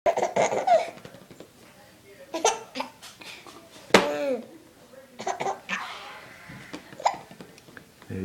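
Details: Young child laughing while being tickled gets hiccups: belly laughter and giggling broken by sudden sharp catches of breath.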